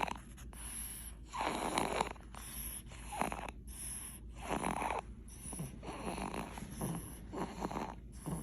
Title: Baby’s snoring 😴 #shorts #mybaby